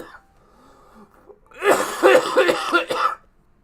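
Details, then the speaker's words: Adult who says he has really been sick gives a quick run of about four harsh coughs after a quiet start; cough. "I'm sorry. I wasn't I'm not even trying to be funny with that. [snorts] I've really been sick."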